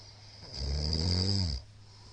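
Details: Very loud snoring from a sleeping middle-aged man, recorded 13 March 2022: a single loud, rough snore lasting about a second with a deep rattling low tone, over room hum.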